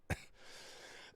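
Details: Cough.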